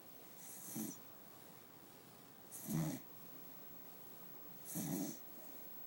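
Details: Snoring in Cooper, an old dog, asleep: soft, regular snuffling snores about every two seconds in a quiet room.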